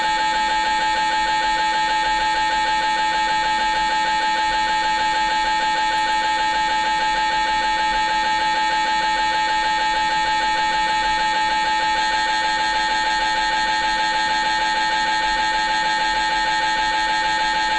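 Continuous loud, rapid mechanical buzzing and knocking at a steady fast rhythm; typical MRI scanner noise during imaging.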